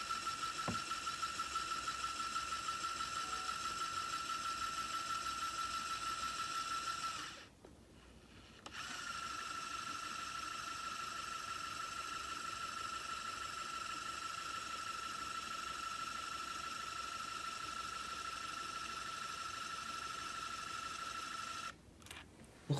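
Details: Steady mechanical whir runs several seconds, pauses briefly, then resumes and stops: the plunger driver of a T34L palliative-care syringe pump travelling out and back while arming, after the syringe is placed with its flange and plunger in their slots.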